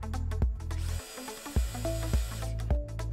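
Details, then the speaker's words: Steady powered-drill whine with short bursts as the trigger is pressed and released: a De Soutter orthodrive large-bone handpiece with its mode selector set to 100% drill speed. "if i push the mode selector across on this side the tool will run at 100 drill speed"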